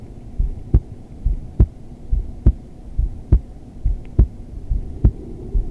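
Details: Adult female's resting heartbeat recorded during restorative yoga, in modified child's pose: steady, regular low thumps at about 70 beats a minute over faint room hum; normal heartbeat.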